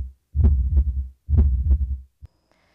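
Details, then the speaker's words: Heartbeat of a hospice patient, recorded with an electronic stethoscope by a music therapist for a family tribute song; two deep, booming lub-dub heartbeats. "The Avera Foundation provided the funding for the heartbeat recording program."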